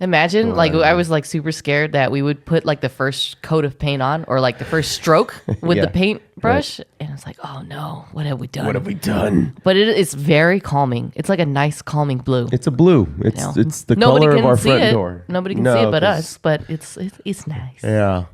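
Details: Adult speakers in conversation, podcast-style; normal conversational speech.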